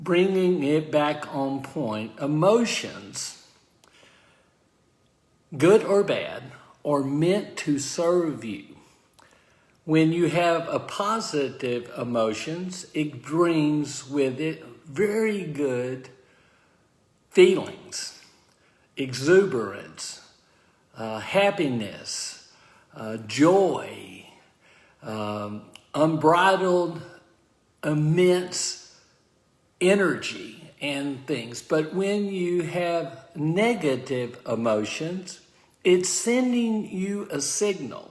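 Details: Adult man with aphasia following a stroke, speaking live, consistent with post-stroke aphasia.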